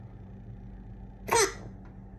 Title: Really loud hiccups